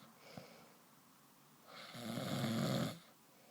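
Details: Snoring: one rough, rattling snore on a slow breath after a quiet pause.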